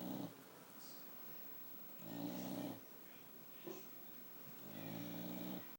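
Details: Pregnant boxer dog, halfway through pregnancy, asleep on a hot summer day: low rumbling snores on each breath, about three in six seconds, with quieter breathing between; snoring.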